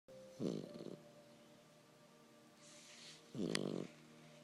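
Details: A sleeping puppy snoring: two loud, rattling snores about three seconds apart over a steady faint background hum.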